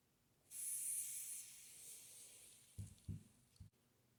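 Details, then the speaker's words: Manual blood pressure assessment with a sphygmomanometer and stethoscope on a patient: a steady hiss of air and soft bulb and cuff thumps as the cuff is inflated and released; the reading was 108/68, normal. "So I'll put my earpieces in and I will start to inflate the cuff."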